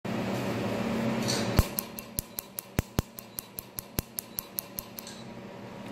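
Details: Q-switched laser pulses: rapid sharp snapping clicks about four per second over a humming machine as a laser removes a tattoo at a dermatology clinic.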